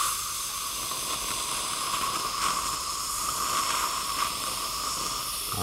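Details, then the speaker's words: Continuous hissing spray of a dental air-water syringe rinsing acid etchant off traumatically injured teeth after about 1.5 minutes of etching, before bonding a splint wire. "okay that looks pretty good now let's go ahead and wash off the patching agent"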